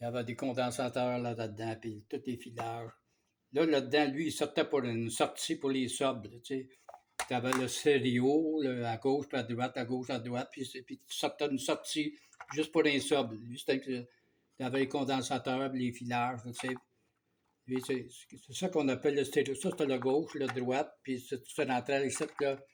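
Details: Man about two years after aphasia onset, following an event with 45 days in hospital and loss of speech; now starting to talk again but often loses words; aphasia.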